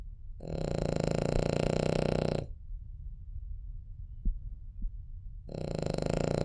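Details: Cavalier King Charles spaniel sleeping: two long, loud, rattling snores separated by a quiet pause, with faint small snuffles between; ordinary sleep snoring.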